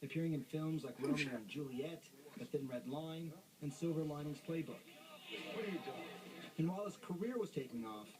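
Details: Adult male narrator; ordinary speech.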